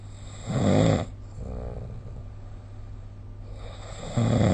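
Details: Sleep snoring recorded with the SnoreLab phone app; snoring.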